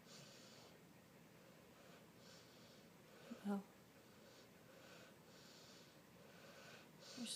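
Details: A sleeping dog with a smushed face snorting: quiet, noisy breathing broken by one short, nasal snort.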